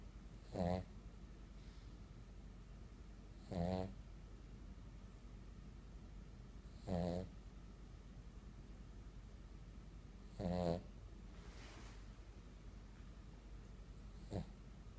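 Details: Snoring: soft, regular snores about every three to four seconds, roughly 17 breaths a minute, over a steady background hiss.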